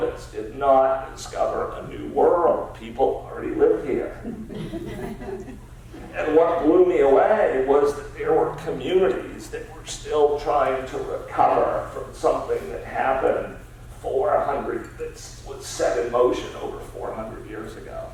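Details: Adult man with spasmodic dysphonia, a rare neurological disorder affecting only speech, of unknown cause, treated with periodic Botox injections, speaking in a real keynote talk; spasmodic dysphonia.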